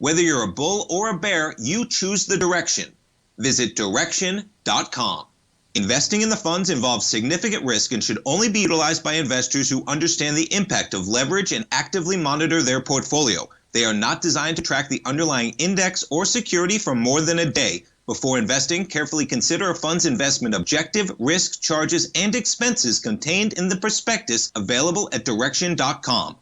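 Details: Adult male announcer; normal speech.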